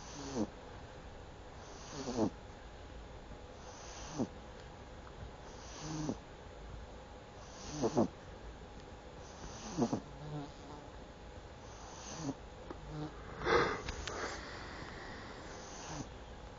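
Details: Pug dog asleep: short snorting, rattling breath sounds about every two seconds, around 30 a minute, in a quiet room; snoring during sleep.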